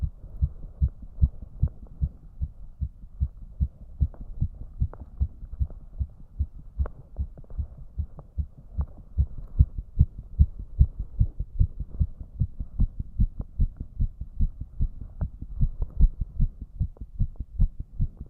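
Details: Male heart sound, rapid regular low thumps at about 150 beats a minute after he tried raising his heart rate, which rose less than expected: tachycardia (fast heart rate).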